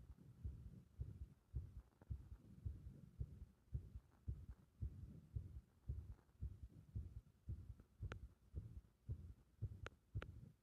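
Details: Compression heart sound with a bursting-like arrhythmia: muffled low heartbeat near 110 a minute with uneven spacing between some beats.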